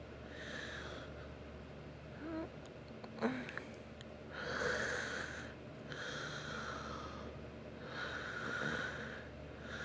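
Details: Two sleepers snoring: rhythmic, whistling, wheezy sleep breaths about two seconds apart, with a few soft snorts between.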